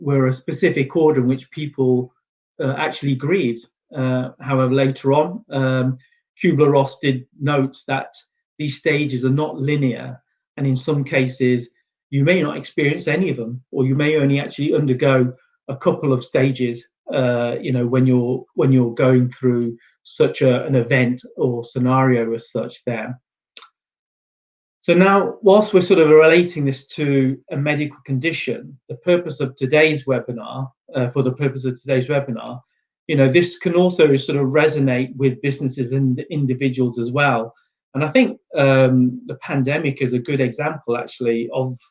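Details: Adult male speaker; normal speech.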